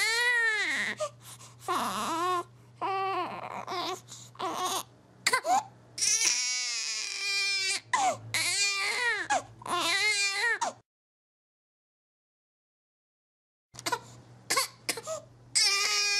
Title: Baby Cry Sound Effect